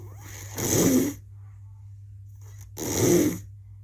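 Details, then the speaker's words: Snoring presented as the first abnormal breathing sound in children, an upper airway noise seen with nasal obstruction or oral cavity abnormality, often from pharyngeal lymphoid hypertrophy: snoring breaths. "đầu tiên chúng tôi xin tiếp cận cái tiếng thở đầu tiên đó là thở ngáy ạ Đây là cái tiếng thở ngáy"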